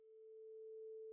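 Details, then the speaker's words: Simulated steady pure tone ringing about a second, slowly louder: vibrating tuning fork held beside the ear after mastoid bone conduction fades, air-conduction step of the Rinne test for conductive versus sensorineural hearing loss. "The sound waves are now conducted via the air. Patients with conductive hearing loss are no longer able to hear this sound since air conduction is severely impaired."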